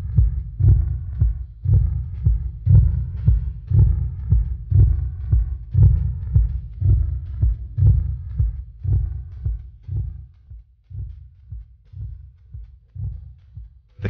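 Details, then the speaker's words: Manual blood pressure measurement with mercury sphygmomanometer and stethoscope over the arm artery, arm at heart level: regular low thumps about 58 a minute fading as the cuff deflates; Korotkoff sounds. "The Examiner listens to the sounds of blood flowing through the artery with a stethoscope"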